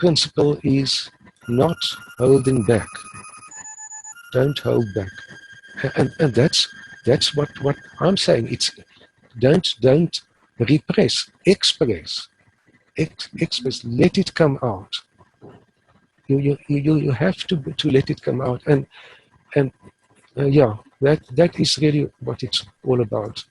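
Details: Stuttering in an adult man who has stuttered since about age 3 or 4 and now uses the passive airflow technique; he reports being fairly fluent, so stuttering here may be mild or not heard.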